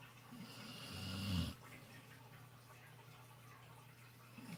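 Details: Sleeping animal snoring during a nap with face in the sun: one soft, rumbling snore on a breath in, then quiet breathing with faint room noise.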